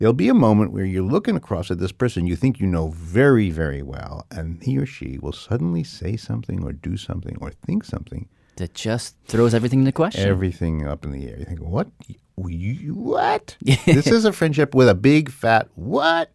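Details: Adult male speaker; typical speech.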